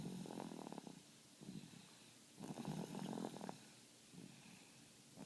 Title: Guess who's snoring?